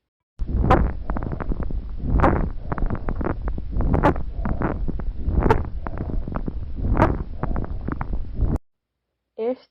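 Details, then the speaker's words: Example of squawks in a lung auscultation demonstration: brief high-pitched squeaks recurring in each breath cycle, presented as a rare sound from sudden opening of small airways. "agora vocês vão estar ouvindo um exemplo desse ruído de grasnido"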